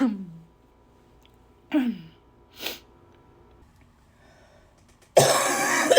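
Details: Lots of repeated coughing: a cough.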